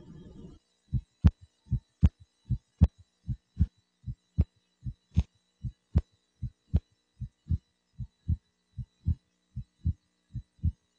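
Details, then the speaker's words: Regular heartbeat near 77 a minute, auscultated over the pulmonic area with the patient lying down, the second sound splitting on inspiration: physiologic splitting of the second heart sound. "auscultation of the pulmonic area where the patient lying is the best position to evaluate splitting of the second heart sound"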